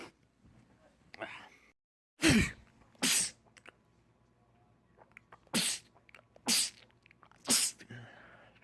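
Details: Male, from a compilation of rapid sneezing attacks in men: about six sharp, explosive sneezes in quick succession, each a brief loud burst; sneezing fit.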